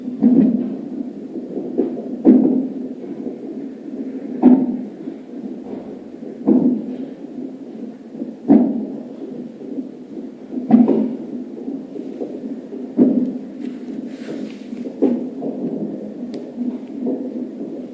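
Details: Fetal hiccups at 34+6 weeks of pregnancy, belly jumping, heard like heartbeats: brief, sharp jerky sounds recurring about every two seconds, roughly 29 a minute, over a steady low hum.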